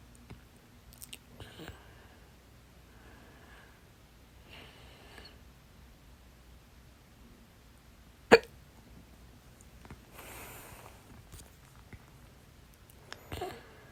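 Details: Fast, stubborn hiccups lasting 30 minutes (11:40 PM to 12:11 AM), reportedly from too much salsa; holding the breath did not help at first. One sharp hiccup and softer breathy catches in a quiet room. They stopped after a fourth breath-hold.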